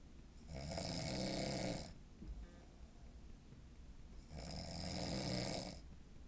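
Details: Sleeping person with a deviated septum, surgery apparently not fixing it: two loud, rough, drawn-out snores about four seconds apart, quieter breath between, quiet room; snoring.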